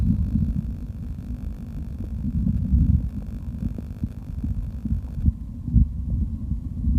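Low rumbling and gurgling from the belly, with a few brief bubbling pops, while drinking; ordinary stomach growling.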